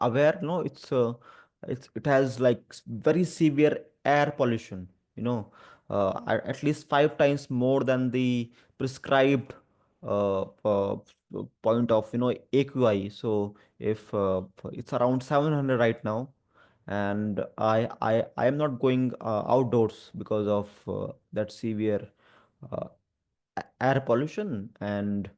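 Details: Stuttering in an adult man who also has dyslexia; he reports stammering especially on the 'through' sound and on his own name; finding: stuttering.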